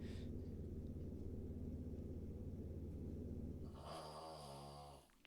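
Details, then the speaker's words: A female Boston terrier with a short, flat nose makes rapid, rhythmic snorting pulls of air through the nose, one of her recurring reverse sneezes: forced inward breaths. "Jeez, Chloe. She's got one of her like reverse sneezes and she's going mad."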